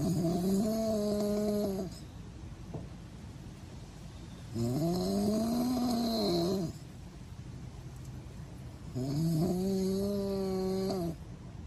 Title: snores properly?🤪 #snoring